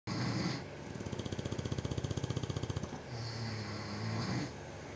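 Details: Snoring contest between a bulldog and a powerlifter: a rough, rapidly fluttering snore on one breath, then a lower, droning snore with a faint whistle on the next.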